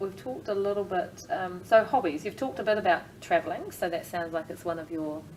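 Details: Adult woman, interviewer; Normal speech.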